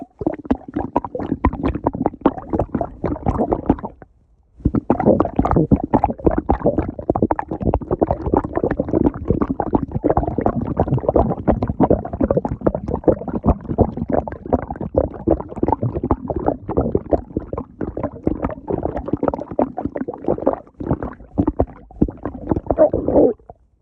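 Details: Long, bubbling gurgles and rumbles from the belly as gas and fluid move through the gut: stomach growling (borborygmi).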